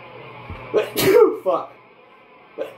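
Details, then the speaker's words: Adult sneezing at bedtime music practice: a quick in-breath, then one loud explosive sneeze and a few brief voiced sounds, over a faint room hum. "goddamn Christ, the fucking sneezing. It's almost like when I play music that sounds halfway decent, I get fucking allergic to it."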